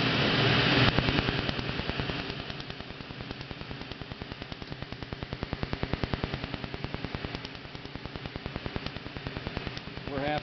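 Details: Rapid, regular sharp snapping laser pulses, about three a second, with steady machine noise behind, during laser removal of a leg tattoo; laser tattoo removal pulses.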